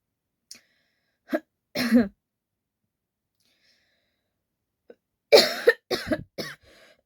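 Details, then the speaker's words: About seven separate real coughs in two clusters with quiet gaps, in a quiet room; woman with a winter cold and scratchy throat, taking cough syrup. "ब खाते खाते मेरा एकदम से गला ही उधर उधर हो गया खासी सही में हो रहा हो रहा है"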